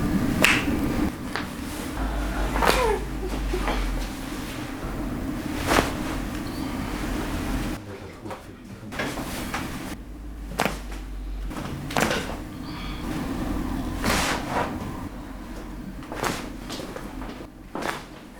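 Several sharp cracks and pops over room noise and handling sounds, typical of joint cavitation during a back adjustment.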